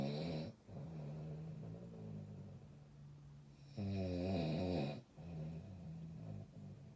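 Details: Steady low fluttering snore through the breathing cycle, with a louder rattling snore midway; ordinary snoring.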